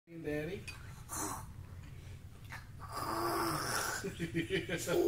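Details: A 1-year-old who is awake, not sleeping, makes playful snore-like snorts and voiced rasping sounds, imitating his father's snoring.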